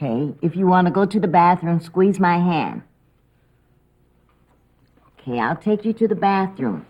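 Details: Adult woman, acted caregiver role-play; Typical speech.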